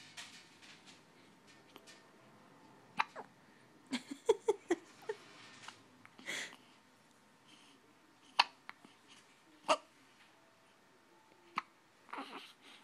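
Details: Baby with a bad case of hiccups: short, abrupt gulping clicks at irregular intervals with soft breathing between, in a quiet room; infant hiccups.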